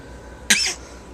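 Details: Small child (baby) sneezes to make a toy car go: one short, sharp sneeze-like burst, with an adult talking nearby. Sneeze.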